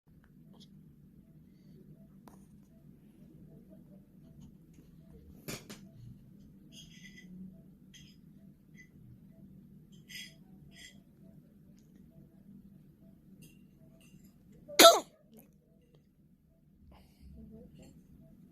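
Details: One-hour-old newborn's first sneeze: a quiet room, then one brief, sharp sneeze.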